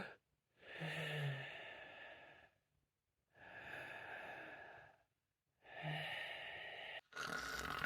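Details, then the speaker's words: Girlfriend snoring at night, said to snore all night long: three long, rough breath sounds about two seconds each with pauses between, like loud snoring on inhalation. "I didn't get any sleep last night. You were snoring all night long."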